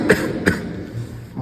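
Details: Two short, sharp cough-like bursts (throat-clearing) from an adult, acted in a comedy sketch as a character who fell ill, followed by quiet room sound.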